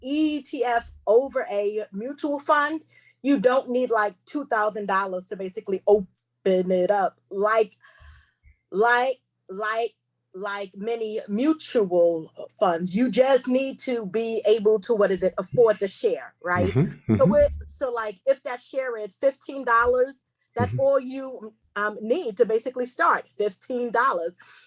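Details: Stuttering in a female seminar host who describes herself as a stutterer, proud of it, and says she will stumble over words during the seminar.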